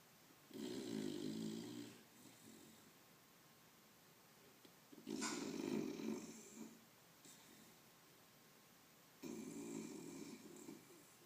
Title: Funny Snoring dog Blu